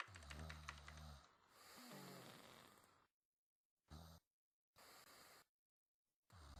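Rough, rattling snores and a snort in an irregular pattern, with abrupt silent gaps; snoring.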